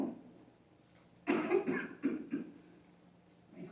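Four forceful coughs in quick succession, imitated by an instructor: a partially choking adult still able to cough effectively.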